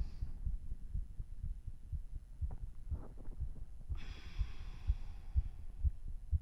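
Fast, steady low thumps of about 120 beats a minute with faint breath noise: a quick, strong heartbeat right after exercise.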